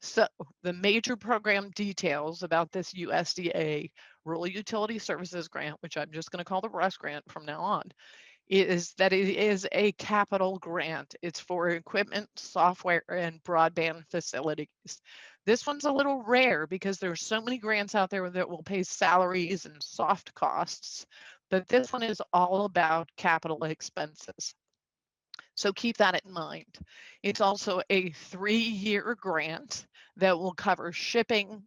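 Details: Adult with spasmodic dysphonia, a neurological vocal-cord disorder diagnosed via a telemedicine consult a couple of years after 2001, who says it is audible and acts up; spasmodic dysphonia.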